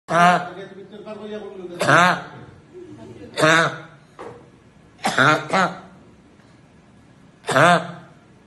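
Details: Involuntary, partly suppressible vocal tics in a patient with Tourette syndrome, a tic disorder with motor and vocal tics present at least one year and starting before age 18.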